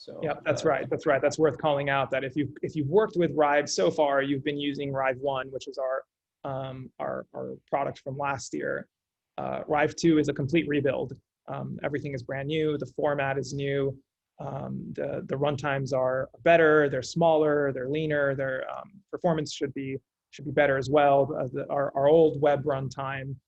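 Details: Adult man; normal speech.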